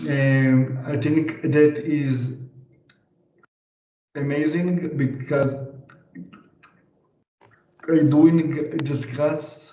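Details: 26-year-old man, stuttering since age three to four, severity level 100%, stuttering on most words, practising over-pronunciation in a therapy session; severe stuttering.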